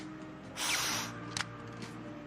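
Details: Dry powder inhaler being turned and loaded during an asthma discussion by a pulmonologist: a short mechanical rasp and a click, ending with a brief voice fragment.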